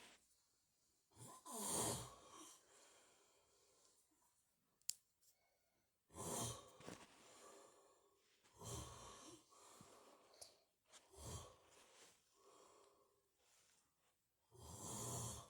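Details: Father snoring while asleep: loud, rough snoring with breathing noise, recurring every few seconds.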